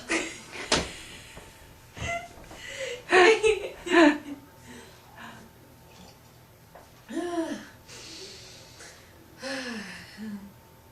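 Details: Woman with bad hiccups after a long night of dancing, laughter seeming to bring them back: several sudden, sharp gasping catches, some voiced, mixed with laughter and breathing in a small room; hiccups.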